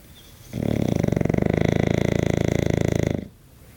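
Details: English bulldog sleeping, a single long, loud, fluttering pig-like snore lasting almost three seconds; snoring.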